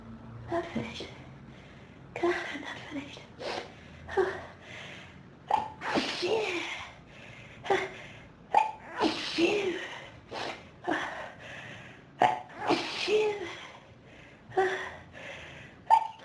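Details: Adult with pollen and dust allergies since about age 14, triggered by room dust: rapid run of repeated sneezes with sharp gasping in-breaths between, a prolonged, intense sneezing fit of allergic rhinitis.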